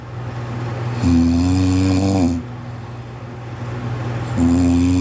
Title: my husband snores so loud 😂